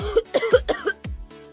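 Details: Cough.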